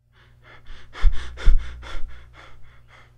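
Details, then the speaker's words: Imitated Cheyne-Stokes respiration, linked to cardiac damage: breathing gradually increasing then decreasing, swelling from quiet to loud then fading, preceded and followed by apnea/silence. "however change tox pattern is gradual increase followed by gradual decrease and here is how it sounds like"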